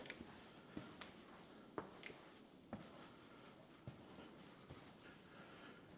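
Sharp, irregular clicks and soft thuds, about one a second, in a quiet echoing room while someone walks: clicking from the knee joint.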